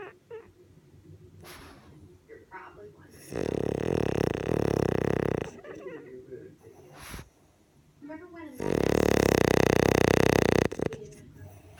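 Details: Two loud, rough, rattling snores about five seconds apart, with quiet breathing and faint room sounds between them; a person snoring.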